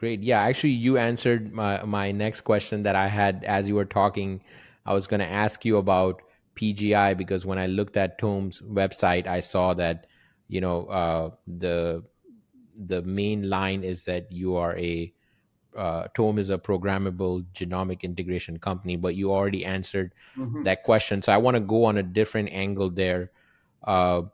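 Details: Adult male speaker; ordinary speech.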